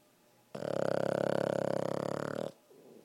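One long, buzzy, fluttering breath sound lasting about two seconds, with a rapid rattling vibration: snoring from a sleeping small dog.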